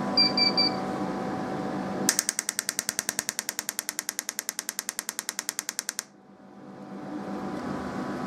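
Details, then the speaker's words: TMS coil firing one of 75 standard 10 Hz, 4-second trains at 100% machine output into a hard-boiled egg holding a titanium aneurysm clip and a magnetic pin; evenly spaced loud clicks, then silence. "so now we're going to treat eggy for the standard uh 75 trains and see what [Music] happens"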